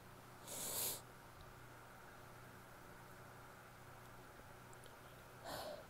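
Two sharp, hissing bursts separated by quiet room hum, matching sneezes.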